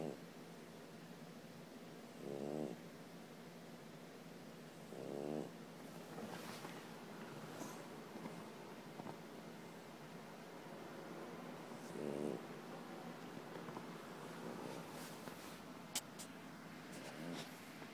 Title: Snoring Frenchie who wants to be left alone